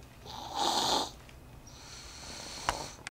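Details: Snoring from a subject born 8/17/07: one rattling, fluttering snore on a breath in, then quieter breathing and a brief click.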